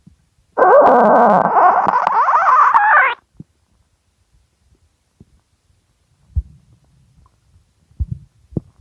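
One loud, drawn-out gurgling growl with rising squeaky tones, then scattered faint clicks and gurgles. Hunger-related stomach growling.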